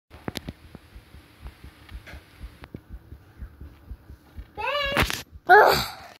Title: My existing heartbeat